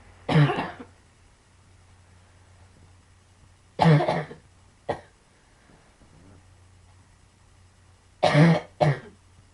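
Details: Person with pulmonary sarcoidosis coughing heavily: five harsh, dry coughs in short bursts, single and paired, with quiet pauses between; chronic cough.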